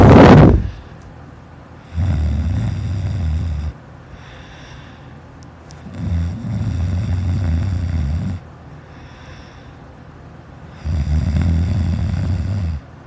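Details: Sleeping child, older recording: loud, rough, low snores on each in-breath, three in about eleven seconds, with quiet exhalations between; loud habitual snoring.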